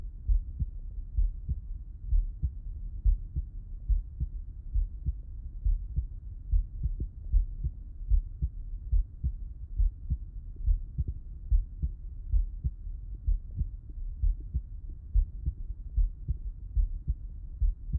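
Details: Heart auscultation by stethoscope with the person lying on the left side: regular low heart thumps at about 70 beats a minute; normal heartbeat.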